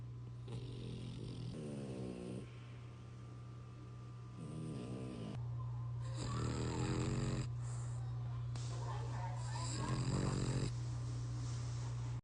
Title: His snores are the cutest💤 #frenchbulldog #frenchbulldogs #frenchie #frenchies